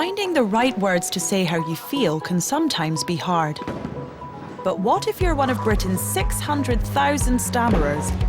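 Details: Adult narrator; fluent speech.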